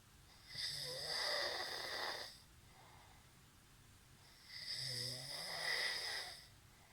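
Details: Two loud, rasping, whistling inhaled snores, each about two seconds long and four seconds apart, with quiet breathing between: snoring.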